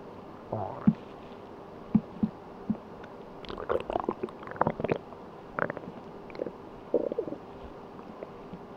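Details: Person sleeping on an empty stomach, with irregular gurgles, squeaks and bubbling rumbles from the belly: normal hunger bowel sounds (borborygmi).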